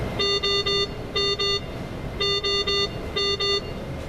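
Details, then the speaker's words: Repeating bursts of high electronic beeps in groups of two and three: the anaesthetic machine's sustained high airway pressure alarm during a simulated OSCE leak test, patient Y-piece occluded, rebreathing bag inflated to 30 cm H2O. "this will also test the sustained high airway pressure alarm you should note that it has sounded"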